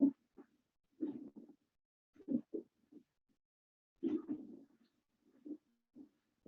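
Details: Pleural friction rub.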